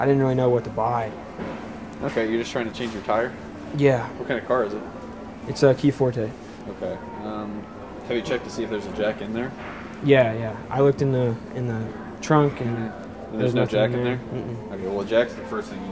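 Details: Adult store employee talking with a customer; Typical speech.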